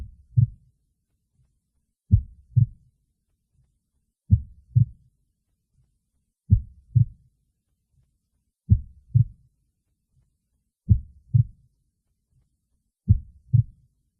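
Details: Clear paired lub-dub heart sounds, regular but very slow at about 27 beats a minute, labelled as a woman's heartbeat; heartbeat.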